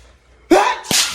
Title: When your sneeze is “out of control”